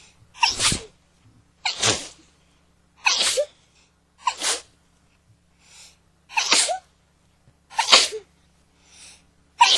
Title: Sneezing like crazy